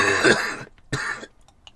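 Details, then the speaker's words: Two harsh coughs, a longer rough burst then a shorter one, from an adult man with bronchitis recording a podcast; cough. "if you don't like coughing and you don't like snuffling sound don't listen to this extra mile I am warning you now"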